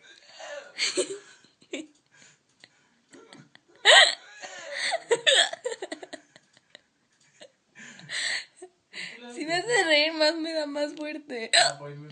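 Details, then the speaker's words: Woman with hiccups lasting about half an hour despite remedies (water, breath-holding): abrupt sharp vocal catches among laughter and brief speech. "Ay, David, ya no se me quita con nada."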